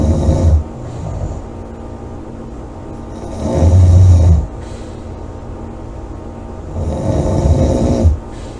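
Loud, low rattling snores about every three to four seconds, with quieter breathing between them. Heavy snoring.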